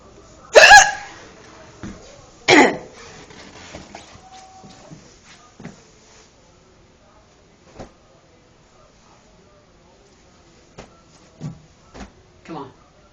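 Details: Person with hiccups: sharp, abrupt hiccups at irregular intervals, the first two loudest and fainter ones after; ordinary hiccups.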